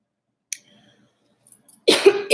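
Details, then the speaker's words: Single harsh, partly voiced cough or throat-clear from an adult after a few soft clicks in a quiet room; the adult says it's something in the throat, wonders if it's a dry cough, and denies having COVID. "Sorry, I don't have COVID. I just have like something in my throat. Or do I have a dry cough?"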